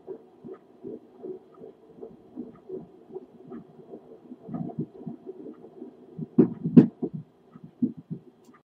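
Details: Home Doppler at 10 weeks 3 days of pregnancy: rapid, rhythmic whooshing pulses at about 158 a minute, about twice the mother's rate; fetal heartbeat.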